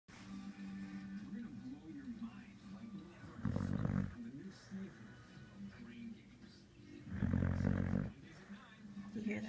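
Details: Two loud, rough snoring breaths about four seconds apart over television sound and room noise; snoring.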